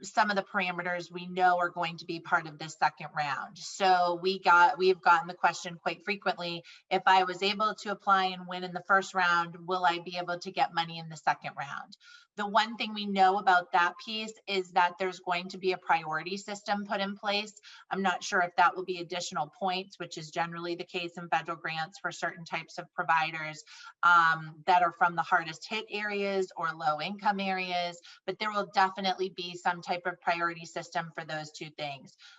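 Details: Adult woman speaking; normal voice.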